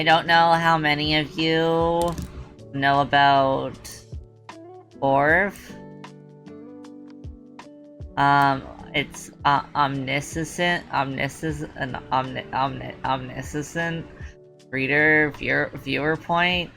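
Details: Female streamer with a self-reported speech impediment she tries hard to hide; certain words trigger her stutter. Stuttering.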